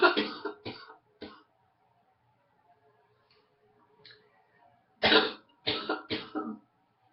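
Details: Two clusters of harsh, throaty coughs, about seven in all, from an adult who woke up congested with a morning head cold.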